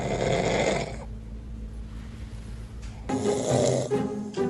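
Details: Father snoring near a baby: loud, rough snores with quiet pauses between them, partly mixed with background music.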